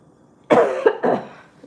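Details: A 57-year-old woman chatting on a livestream gives two quick harsh bursts, a throat clear followed by a short cough.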